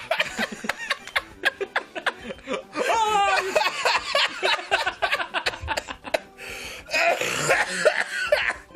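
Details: Run of sharp, repeated coughing bursts with strained throat sounds and laughter-like breaths, a coughing fit during video-game commentary; cough compilation.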